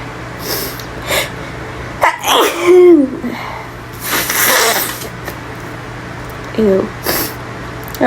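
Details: Person sneezing repeatedly in a bathroom, with some coughing and talking: several sharp, explosive sneeze bursts with brief voiced sounds between, in a small echoey room with a steady hum.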